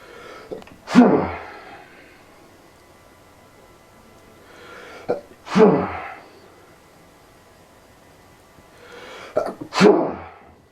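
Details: Three loud sneezes about four seconds apart, each with a short indrawn breath before the explosive burst, in a person with allergies flaring again, reported as causing a raging headache: allergic sneezing.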